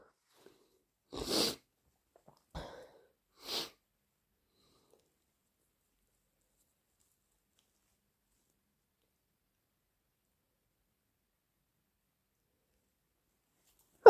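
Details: Three short, sharp expulsive bursts close together, then a long silence; induced allergy sneezes.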